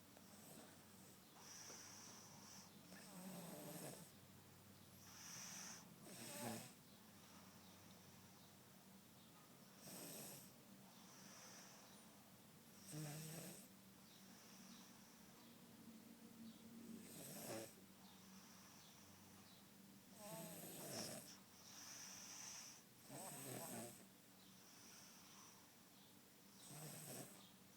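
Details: Soft, regular snoring from a young niece sleeping deeply, about 17 breaths a minute, over faint room hiss.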